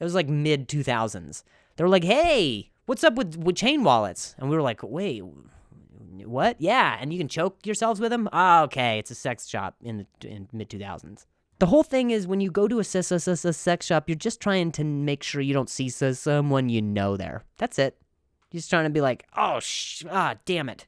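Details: Adult male comedian telling a story in English, with part-word and phrase repetitions; stuttering.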